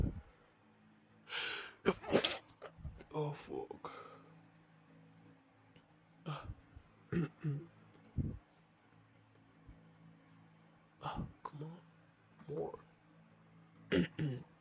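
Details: Adult with a sensitive nose who sniffed something before recording; several sharp, explosive sneezes between bursts of talking and breathing: repeated sneezing.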